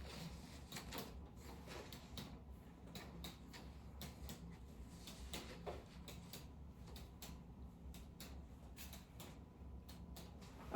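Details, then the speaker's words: Light finger-over-pleximeter percussion of the abdomen in all four quadrants during a student abdominal exam: quick hollow taps, tympany predominant from intestinal gas, no abnormal dullness suggesting masses or fluid. "Okay, on percussion of the abdomen, tympany is predominantly heard in all 4 quadrants, which indicates the presence of gas within the intestines."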